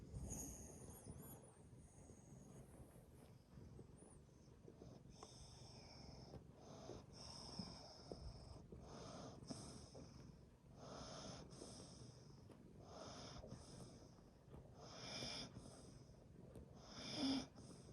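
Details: Irregular snuffling, snorting breaths with soft rattling noise and occasional high squeaks in the background from a sleeping dog together with a cat: snoring.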